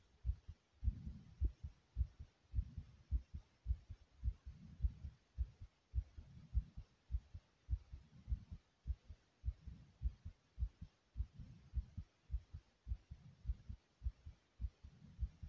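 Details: Strong, regular, low pounding heartbeat thumps at about 105 beats a minute, with a soft whooshing rumble between beats.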